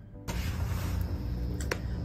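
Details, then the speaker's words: Temporomandibular joint popping, louder than clicking and audible to others, indicating more advanced anterior disc displacement: two or three brief, sharp pops over a steady low rumble. "그리고 다음으로 파핑의 경우는 클리킹보다 소리가 커서 다른 사람도 들을 수 있을 정도인데요."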